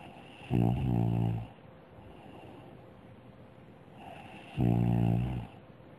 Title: A snoring Goldfish.....?